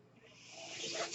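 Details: The speaker's own mechanical ventilator, heard during a spoken podcast recording: a steady airy hiss builds over about a second as it pushes a breath of air.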